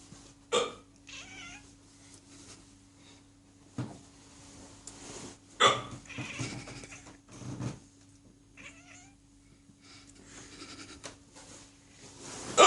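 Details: A person's sharp, sudden hiccups at irregular intervals in a quiet room, with a pet cat meowing softly in between, apparently in response to the hiccups.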